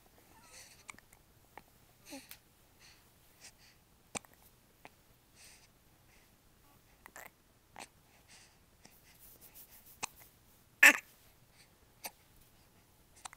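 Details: A cat has hiccups: a string of brief, sharp hiccup clicks with small squeaky vocal sounds in a quiet room.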